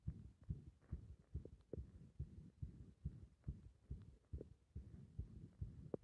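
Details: Compressed heart sounds: low muffled heartbeats with uneven spacing that becomes irregular when the breath is held; irregular heart rhythm.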